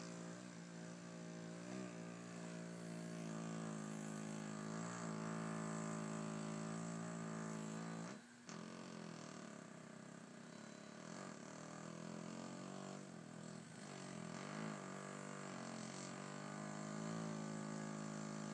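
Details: Adult woman asleep with a CPAP mask and machine: steady droning hum rising and falling slightly with breathing, loud mask noise throughout the night.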